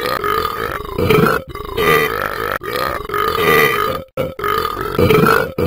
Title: Burping and then you